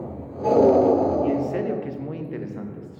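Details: Lung auscultation of pathological breath sounds during inspiration: wheezes, the most striking finding, possibly with some crackles; an asthmatic patient is possibly the context.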